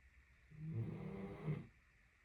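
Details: Napping Great Dane who snored for 30 minutes straight: one low, rumbling snore of just over a second; ordinary snoring.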